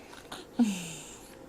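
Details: Infant hiccuping while breastfeeding: a single sudden hiccup with a short voiced squeak, against quiet room noise.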